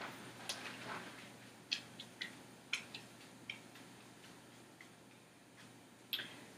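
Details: Male with abdominal pain: the bell of the stethoscope over the abdominal aorta picks up quiet sound with faint clicks and no whooshing bruit, a normal finding with no bruits.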